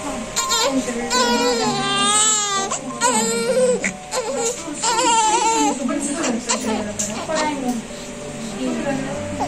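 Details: Newborn's first cry right after birth, baby conceived through IVF: loud, wavering cries with adult voices in the room; a normal first cry.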